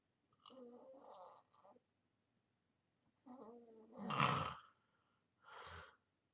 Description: 2:28 Starts the snores till the very end of the video.